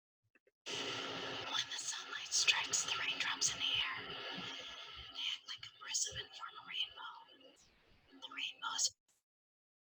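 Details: Young woman with bilateral vocal fold paralysis, folds fixed far apart, after thyroid cancer affected both recurrent laryngeal nerves; very breathy voice; breathy voice (bilateral vocal fold paralysis).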